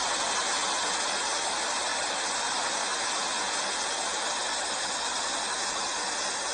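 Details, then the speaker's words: Simulated tinnitus: a steady, loud rushing hiss like a jet of water or waterfall with a faint fixed tone. "puede ser de un tono puro o puede ser de un de tonos fluctuantes como el que escuchamos como esa como esa cascada"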